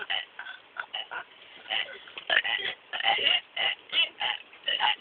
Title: Burping contest?